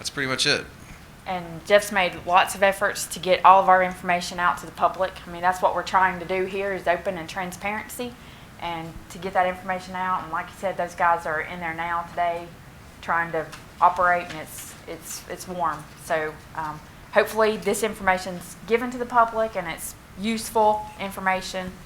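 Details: Adult speaker; normal speaking voice.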